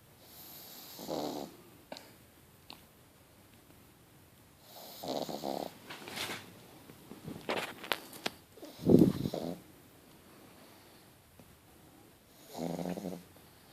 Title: Fonseca The Pug - Snoring